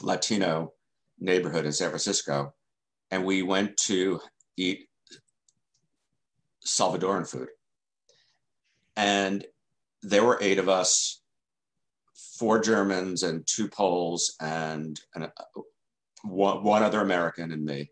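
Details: Adult male journalist who has stuttered since childhood and has been in the stuttering self-help movement since 1992; real, non-acted speech in an interview; stuttering.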